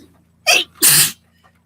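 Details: Sneeze.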